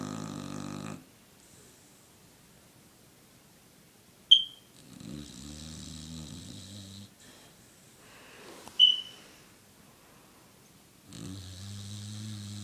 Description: My dog snoop having a nap and heavily snoring and Twiching he does it all the time